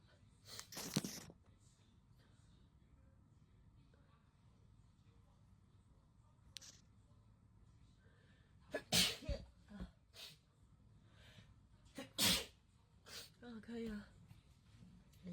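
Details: Several sharp, explosive sneezes in a quiet room, with soft breaths between them, induced by a COVID-19 nasal swab test in young women.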